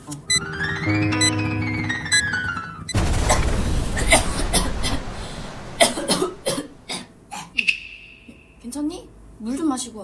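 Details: Piano student with a scratchy throat, on prescribed medicine, failing to suppress a cough during a lesson: coughing.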